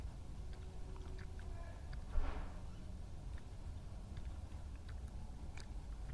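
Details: Young female wild badger, filmed at night by a yard camera in Somerset, England, laps and clicks during a long drink, then gives a short, harsh cough and splutter afterwards; cause unknown.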